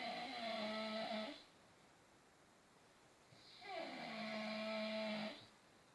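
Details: Father asleep: two long, droning, buzzing snores on the in-breath separated by a quiet pause; steady snoring during sleep.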